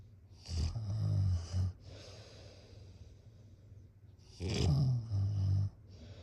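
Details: Person snoring during sleep: two deep, rattling snores on breathing in, each followed by a quieter breath out, about four seconds apart.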